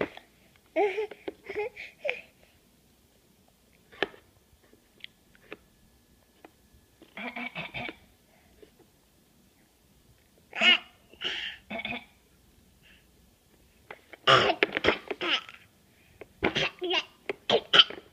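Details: A 9-month-old infant fake coughing: brief, breathy cough-like bursts made on purpose, separated by quiet pauses.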